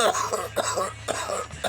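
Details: Four quick, harsh coughs in under two seconds from an adult after inhaling weed smoke, over faint music.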